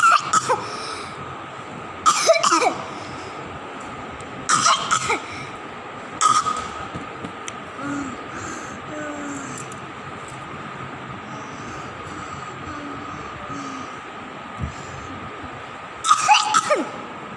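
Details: Infant girl coughing for one month despite medication, with echo, chest X-ray, throat X-ray and blood tests done and no cause found: about five short, harsh coughs over seventeen seconds against a steady hum; persistent cough.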